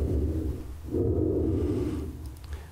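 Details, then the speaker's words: Simulated breath sounds from a pulmonary exam on a virtual patient simulator in Covid-19 training, via stethoscope on the thorax: low, muffled breathing with two soft breath swells. "au niveau des examens pulmonaires vous avez des éléments qui sont déjà présentes et d'autres qui peuvent être recherchées si vous cliquez sur cet onglet vous entendrez par exemple comment ils respirent"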